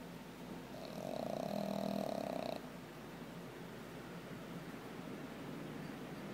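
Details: Pug sleeping beside its owner, with one rattling, buzzing snore over steady room noise: snoring.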